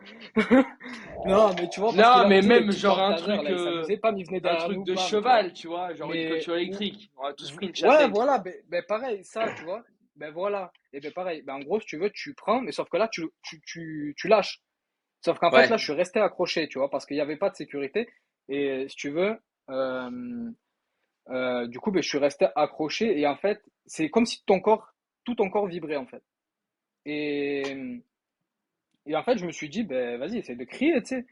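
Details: Adult man who spoke fluently until an electrocution brought on a stutter; he still stutters a little, more when facing difficulties; stuttering.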